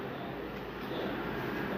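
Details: Branded nebulizer being repaired: continuous rumbling motor hum running steadily; nebulizer compressor running.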